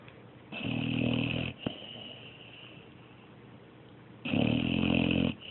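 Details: Sleeping dog snoring: two loud, rough, fluttering snores separated by a quiet breath out; ordinary snoring.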